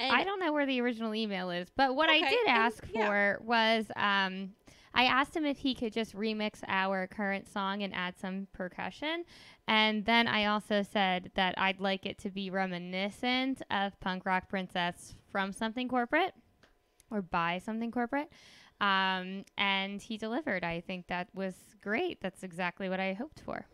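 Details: Adult woman; ordinary speech.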